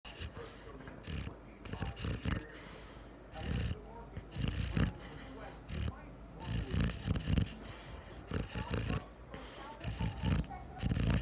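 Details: Julio, a Boxer, snoring like crazy: deep rumbling snores recurring every second or two in bursts during sleep; ordinary dog snoring.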